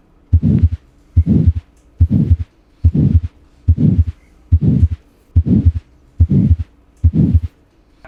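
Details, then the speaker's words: Subvalvular pulmonary stenosis murmur, best heard at pulmonary area and Erb's point: regular heartbeat near 71/min with soft, short, medium-pitched, harsh, diamond-shaped systolic murmur; no pulmonary ejection sound since valve itself is not involved. "no ocultamos mejor en el área pulmonar y en el punto de erc de características suave duración corta tono medio cualidad áspera y de configuración en forma de diamante y se escucha de la siguiente forma"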